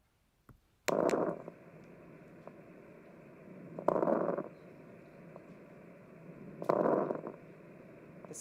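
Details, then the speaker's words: Fine crackles, likened to Rice Krispies: three breaths at about 21 per minute, each with soft, closely packed, discontinuous explosive crackling, in a dysphagia breath-sound teaching recording. "now here are fine crackles and it sounds like um crackling myar or what is that Rice Krispies sounds like"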